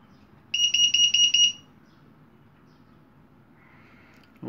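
A rapid burst of about eight shrill electronic beeps, then quiet room noise; a syringe pump alarm.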